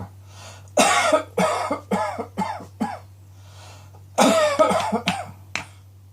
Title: Cross Dressing Coughing 19